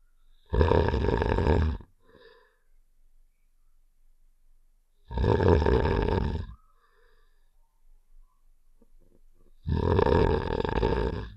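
Three long, low, rumbling rasps about every four to five seconds, separated by quiet gaps, an imitation snore from a game sound effect.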